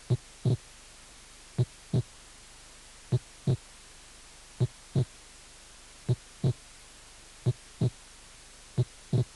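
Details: Normal heart sounds at about 41 beats a minute: loud first and second sounds with physiological splitting of the second heart sound.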